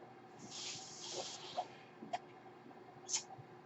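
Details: Breath cycle of the speaker's own home mechanical ventilator, audible in the background while they talk.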